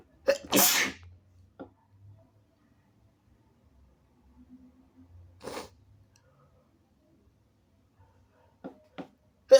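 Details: Person still somewhat sick: a loud, very wet, snotty sneeze with a noisy expulsive burst, followed by sniffling and a few smaller bursts in a quiet room; sneezing.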